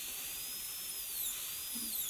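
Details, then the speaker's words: Steady high-pitched whine of a high-speed dental handpiece cutting dry on a practice tooth #18 during gold onlay preparation; handpiece tipped mesially to widen the distal box form; faint room hiss; high-speed dental handpiece. "i'll tip my hand piece mesially and then we'll start to drop that a little bit and i'm going to widen the box a little bit again there likely was a restoration there"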